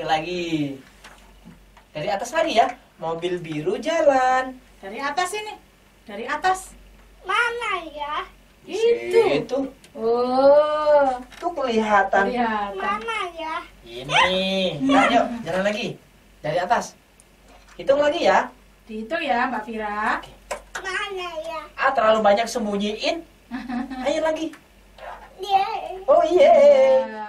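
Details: Adult woman (therapist) speaking; typical adult speech.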